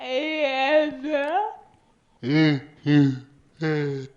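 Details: Person born with a severe speech disorder who uses a synthetic voice device, producing unintelligible vocalization; severe speech disorder.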